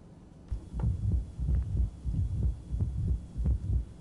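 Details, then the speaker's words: Mitral stenosis, a more severe case with a more tachycardic patient, heard at the apex: heartbeats about 90 a minute with a softer opening snap close to S2 and a diastolic murmur. "you can tell this one's a little softer than the first one we listen to as patients age and as a disease gets worse the leaflets in the inflamed structures calcify so they move less the less they move the softer the opening snap gets"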